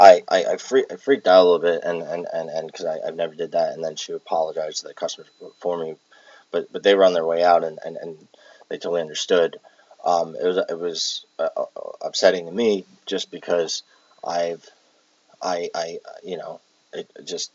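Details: Palilalia in an adult with Tourette syndrome who has echolalia and palilalia traits, recorded while exhausted with tics affecting speech; repeats words while talking.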